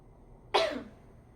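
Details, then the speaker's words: Woman (patient) gives a voluntary cough into a sputum container after holding her breath, during nurse-taught effective coughing and sputum collection (likely simulated training); one short, forceful cough in a quiet room. "Caranya tadi ee caranya seperti tadi ee Ibu tahan nafas, tahan beberapa titik, lalu batukkan. Nanti ibu batukkan ke dalam portum ini."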